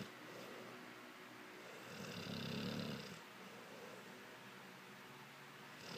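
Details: Sleeping female Mastiff dog snoring: a single low, rumbling snore on a slow breath, with quiet breathing before and after; ordinary loud snoring.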